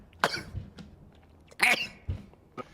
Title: (CY2) male twitch streamer rapid sneeze compilation